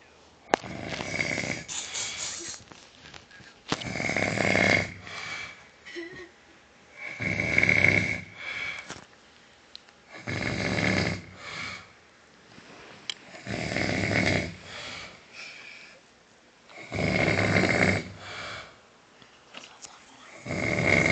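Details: Loud, rough, rattling snores with quiet pauses, about 19 breaths a minute, recorded close to the microphone from a sleeping adult man (father); snoring.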